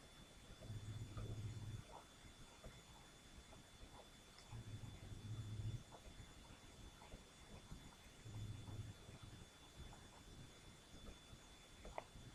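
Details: Cat snoring while asleep: soft, low rumbling snores with each breath, about three in twelve seconds, faint against steady room hiss and small rustles.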